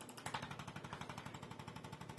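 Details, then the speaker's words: Rapid, even mechanical tapping at about twelve pulses a second from an Impact chiropractic adjusting instrument on the spine. It is used over muscle spasm on the vertebrae in an emergency patient with hip-to-knee pain rated 8/10 who cannot walk. "This is an Impact's machine that helps adjust the vertebra. There's a lot of spasm here, so instead of me trying to push through the spasm, I'll use the Impact."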